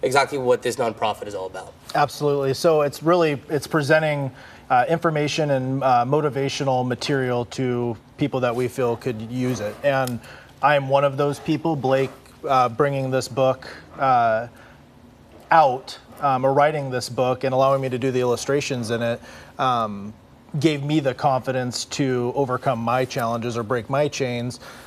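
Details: Adult man in conversation; Typical adult speech.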